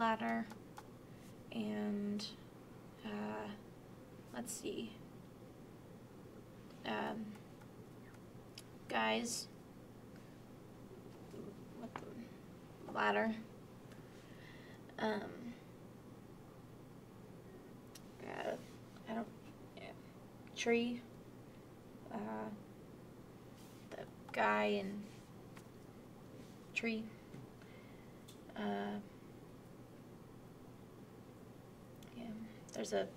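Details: Moderate Broca's aphasia, a non-fluent aphasia, during a picture description task; halting, effortful speech with reduced output, impaired grammar and lost small linking words; Broca's aphasia.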